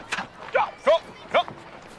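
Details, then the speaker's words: Acted film scene (Front of the Class, 2008) of Brad Cohen, a young man with Tourette syndrome: three abrupt, short bark-like yelps in quick succession, sudden vocal tics of Tourette syndrome. "okay you make more noise than my air horn sounds like you got a healthy case of tourette's"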